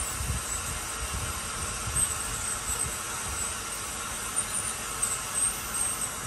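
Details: Dental drill during a root canal procedure: steady high-pitched whine with hiss, the handpiece running continuously.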